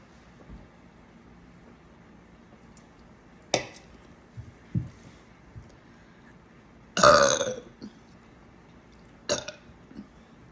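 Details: Adult woman burping deliberately on command for an agency audition request: three belches, one long and loud between two shorter ones, in a quiet room.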